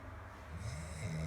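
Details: Comedic parody of a sleeping person snoring: low, rough rumbling that builds toward the end, with room noise.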